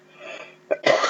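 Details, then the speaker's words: Faint steady background hum, then a brief throat catch and one loud, harsh cough burst from an adult who reports allergy to dust from a tarot book. "see if I had a pod button I could hit that and you guys would have to listen to this horrible cough and then I start getting stuffed"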